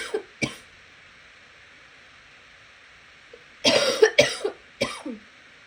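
About five harsh coughs: two at the start, then a quick cluster of three after a pause, with faint room hiss.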